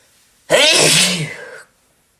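A single loud, explosive sneeze, sharp at onset and trailing off with a voiced tail: a plain sneeze.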